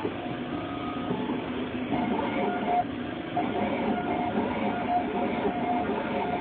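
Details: Continuous mechanical grinding and whirring with faint tones from an in-office dental crown milling machine producing crowns on the spot; dental crown milling machine running.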